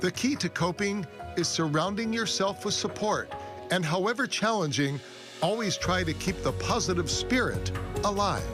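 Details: Adult female narrator with background music; plain speech.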